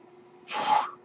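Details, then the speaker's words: The speaker's own mechanical ventilator, recorded during his talk; the speaker identifies the noise heard as his ventilator. Mechanical ventilator airflow. "Hello, everyone. That noise you're hearing is my ventilator."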